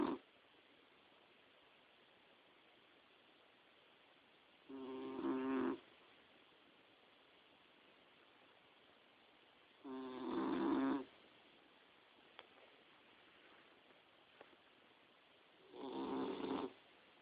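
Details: Boxer puppy about 4–5 months old napping in bed: three slow, rattling snores about five seconds apart in a quiet room, roughly 11 breaths a minute; snoring.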